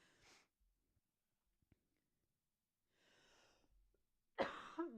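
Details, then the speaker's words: Adult recovering from a cold: quiet breathy sounds, then one loud, sharp cough burst near the end. "Sorry, I am getting over a cold if you weren't here at the beginning to hear that. That's why I keep coughing."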